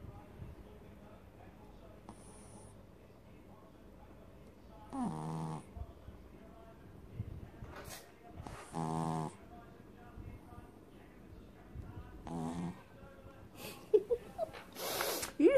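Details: Maltese/Shih Tzu dog snoring: short, irregular nasal snores and snorts with faint room noise between them.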